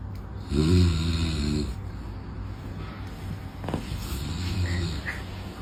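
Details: Deep, low rumbling snore over steady background hum, followed by a fainter second snore; snoring, presented with a claimed snoring cure.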